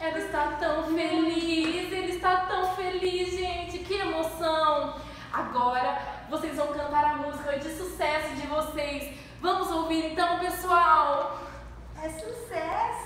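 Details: Adult woman; normal speech.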